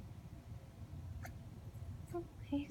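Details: Seven-week-old English bulldog puppy with hiccups: two or three soft, quick hiccup clicks with faint whimpering in a quiet room.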